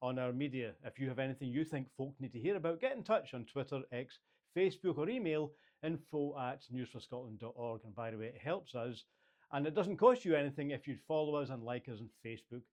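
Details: Adult male speaker; fluent speech.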